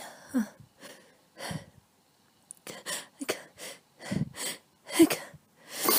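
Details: Repeated sneezing with a cold and a tickling nose: a rapid run of short, sharp sneezes with quick catching breaths between them, coming one after another without pause.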